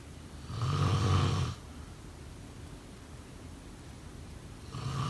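Loud, low rattling snore lasting about a second, a quiet pause, then the next snore beginning, about one every four seconds: snoring.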